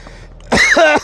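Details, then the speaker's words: An adult livestreamer, eating, gives a single harsh, voiced cough-throat-clear after a brief pause because food went down the wrong pipe; cough after aspiration of food. "That went down the wrong pipe."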